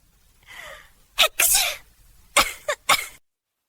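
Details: AI-generated (Sora2), not a real recording: a soft inward breath, then a run of sharp, hissing bursts, a series of about four sneezes.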